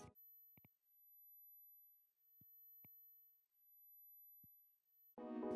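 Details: 12000 Hz hearing test tone.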